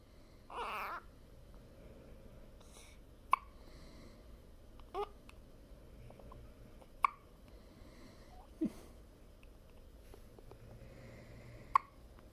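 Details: Newborn boy, one of twins, in a quiet room: sharp, brief hiccup sounds every couple of seconds, about five in twelve seconds, with a soft fuss at the start; hiccups.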